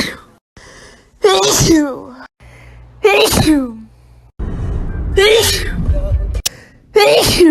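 Four loud, voiced sneezes, each a sharp burst trailing off in a falling vocal sound, with brief room noise between.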